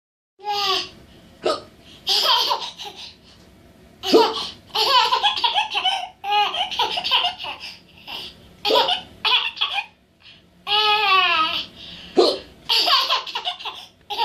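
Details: A child laughs and giggles at someone imitating his hiccups; bursts of giggling are broken by sharp catches of breath, with hiccups occurring during the laughter.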